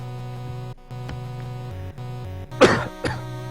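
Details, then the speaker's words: Cough or throat clearing from an adult recovering from a recent cold during a game stream: a short cough, then a smaller second one, over steady game music. "Excuse me, I just got a cold recently, so kind of just getting better from that. So you will hear me coughing from time to time."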